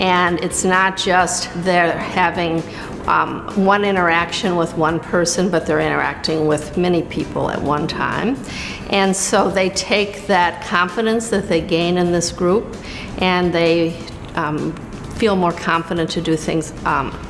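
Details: Adult woman speaking; Normal speech.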